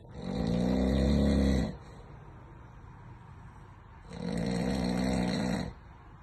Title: Snore king 😅